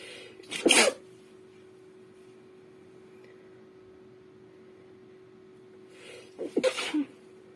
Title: Sneezing napkins again (F)